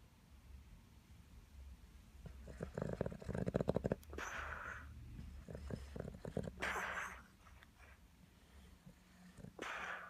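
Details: Sleeping Boston terrier gives loud snoring: rough, rattling snorts and low rumbling breaths in irregular bursts, with a piglike, snorting quality.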